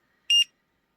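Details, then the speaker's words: A short, high double beep: pulse oximeter alarm as saturation drops while breathing, in a person with POTS and EDS lying down and already tachycardic, recorded for their doctor. "i breathe my stats go down so sorry about the beeping i might actually just do this without talking and try to voice over after"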